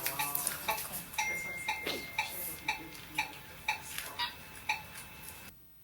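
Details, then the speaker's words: Radiofrequency subdermal treatment of a small double chin in a patient declining aspiration procedures: regular device beeps about twice a second with sharp crackling clicks as tissue contracts; tissue crackling. "this is her doing the same treatment yesterday in a small double chin that didn't want any aspirational procedure here the crackles here that contraction happening you hear the crackles they're amazing"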